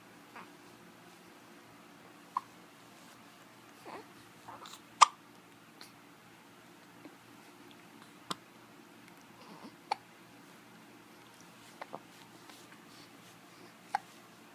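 Quiet room with several brief, sharp catch sounds at irregular intervals, consistent with hiccups.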